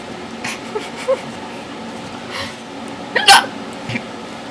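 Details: Several short, sharp voiced catches at irregular intervals over steady background noise: unusual-sounding, painful hiccups.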